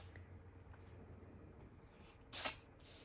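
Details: Cat sneezing repeatedly; owner suspects seasonal allergies. A single short, sharp sneeze in a quiet room, with faint rustling before it.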